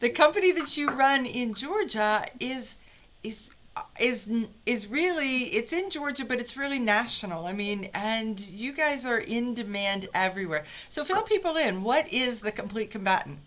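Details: Adult woman speaking; normal speech.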